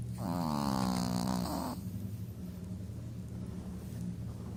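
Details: Chihuahua snoring loudly while lying on owner's lap: one loud, buzzing, rattling snore over a steady low hum of room noise.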